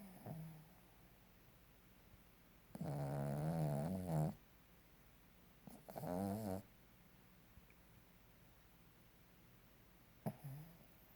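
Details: A sleeping dog snoring: two long, buzzing, vibrating inhalations a few seconds apart.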